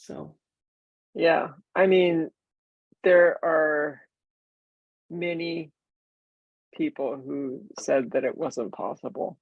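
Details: Aphasia nine years after a stroke; she says she could not talk before using a microcurrent feedback device and can talk now, and describes understanding others but being unable to say the words.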